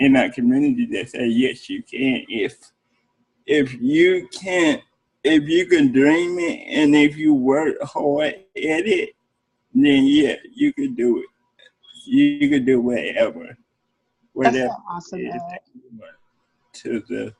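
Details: Adult man with cerebral palsy, which can affect speech, who mentions working with speech therapists, speaking in an interview; speech in cerebral palsy.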